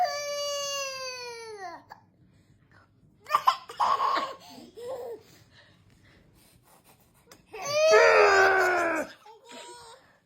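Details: Baby girl with her grandad, who is doing a party trick that draws her hiccup-like laugh: two short, high, falling wails separated by quiet gaps and soft adult voicing; an ordinary infant cry or squeal.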